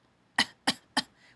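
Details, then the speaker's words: Adult imitating a dry, unproductive cough, three short sharp dry coughs in quick succession, illustrating an influenza cough that may be dry at night and loose with mucus in the morning. "both dry or loose cough and they may be dry in the evening and loose in the morning so you know like that trying to trying to cough that dry cough at night"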